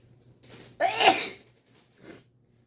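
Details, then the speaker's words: Person doing a COVID-19 nasal self-swab test, sneezing repeatedly and painfully; a short breathy intake, one forceful explosive sneeze and a faint trailing breath; swab-triggered sneeze. "暂停好了，一直打喷嚏，很痛苦。"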